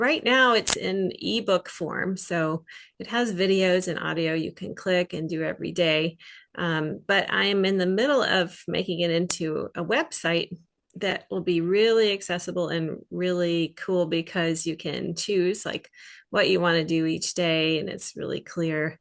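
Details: Adult woman speaking; typical speech.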